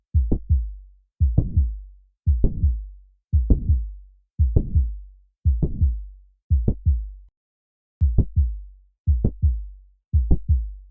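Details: Mitral valve prolapse: regular heartbeat near 57 a minute with a sharp mid-systolic click followed by a short murmur.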